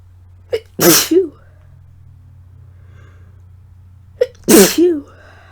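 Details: Person with a cold and sore throat, no congestion, deliberately inducing sneezes for a tickly nose: two forceful sneezes, each with a sharp in-breath before the burst; sneezing.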